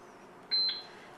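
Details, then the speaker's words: Baxter infusion pump programmed for a secondary infusion at 150 mL/h, entering volume to be infused 50 mL and pressing secondary start: single short high keypad beep confirming the key press; normal device sound. "put in secondary volume to be infused 50 and hit secondary"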